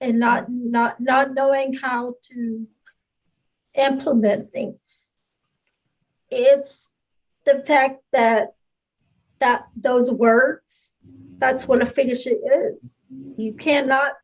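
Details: Adult speaker; no speech disorder.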